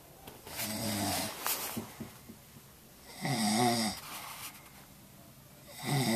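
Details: Sleeping male snoring, recorded on a Flip Video camera: loud, rough snores on each breath in with quieter breaths out, about three breaths over six seconds; ordinary snoring.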